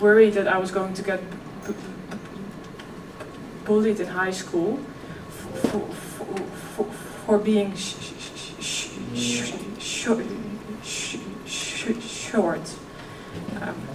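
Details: Real stuttering in a 26-year-old woman who also has OCD; she stuttered effortlessly as a child, and her stuttering is now more struggled.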